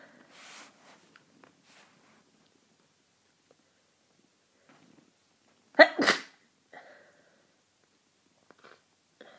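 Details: Powerful sneezing during a cold: a single loud, explosive sneeze with a sharp intake before it, surrounded by quiet breathing and faint rustling.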